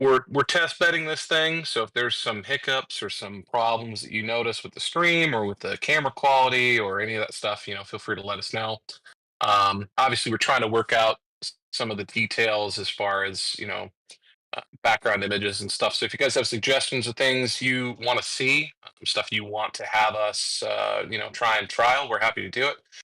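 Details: Adult male speaker; typical speech.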